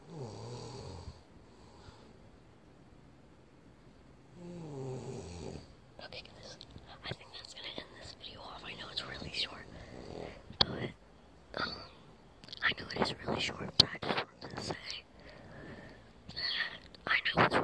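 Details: Loud rattling snores from a sleeping adult man (dad), then softer breathing and murmuring in the room; snoring.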